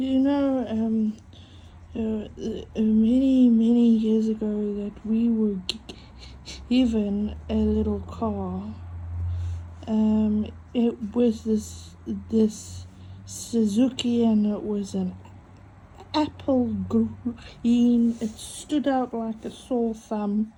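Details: Adult woman with a stutter mainly on vowel-initial and W words and long phrases, using breathing techniques and a stuttering device on her phone; stuttering.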